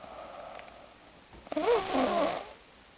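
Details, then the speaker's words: A partner snoring in sleep: after a quiet, faintly humming stretch, one loud, rough, fluttering snore rises and fades over about a second. "this is what I deal with this is what I dealt with for the past couple hours trying to sleep but I can't so I'mma film it so you can listen to it what I got to deal with"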